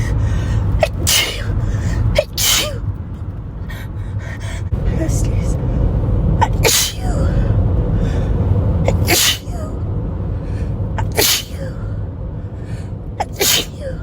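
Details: Sneezing fit from a nose tickle while driving to work: a run of about six forceful sneezes over fourteen seconds, each with a quick intake of breath, over steady road noise.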